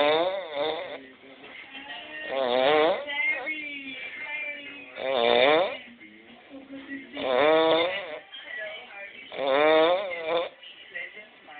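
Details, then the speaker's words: A roommate snoring at night: loud, rough, vibrating snores in a steady rhythm, about 27 breaths a minute, with quieter breathing in between. "I can't go to sleep. Cause this motherfucker right here snoring."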